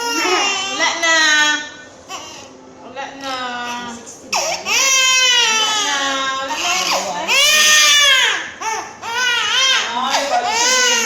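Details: Baby girl crying during ear piercing: loud, high-pitched, wailing cries in repeated bursts with gasping pauses, adults soothing nearby; a pain cry.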